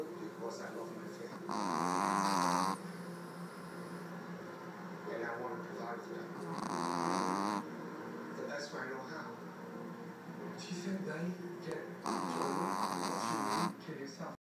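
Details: A sleeping man snoring, with rough, rattling breaths in roughly every five seconds, about 12 breaths a minute, and soft breaths out between them, over a low hum; steady snoring.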